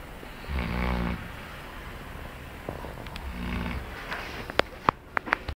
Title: Dog snoring...